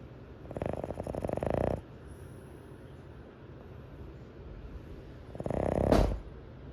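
Two long rattling, fluttering snores on breathing in, separated by a quiet pause; typical snoring.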